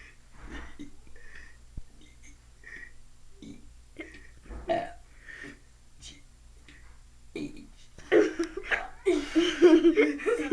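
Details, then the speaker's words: Boy deliberately burping the ABCs for fun: a string of short voiced burps, then longer, louder burps at the end; voluntary belching. "no start now my brother will now for you burp the ABCs as best as he can he prob let's watch hi I'm and I'm going to burp the"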